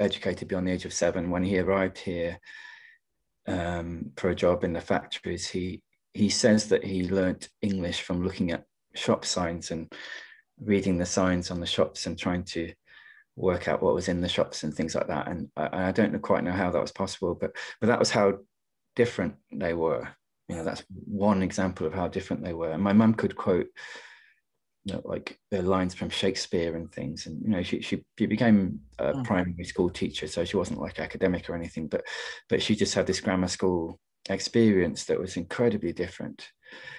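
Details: Stammering in an adult male poet who stammers, speaking in a webinar of the British Stammering Association (STAMMA).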